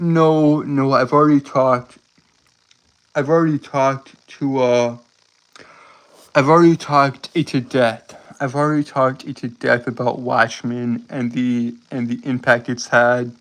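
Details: Male streamer with a self-described speech impediment causing stuttering and tripping over words; stuttering.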